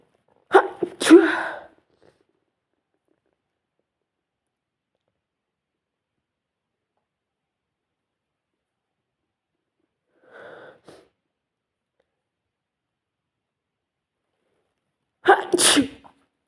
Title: induced sneezing